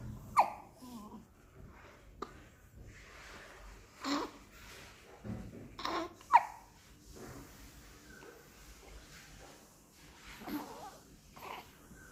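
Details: Baby kiwi bird at day 12 with frequent hiccups: a few sharp, brief hiccup-like clicks and faint chirpy sounds in a quiet room.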